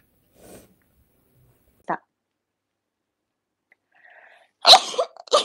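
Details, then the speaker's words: Sneeze: quiet sniffs and a soft breath, then one sharp explosive sneeze with brief voiced sound from a Japanese woman. "はい3回目ですね立て続けに3回のくしゃみを決めました素晴らしい"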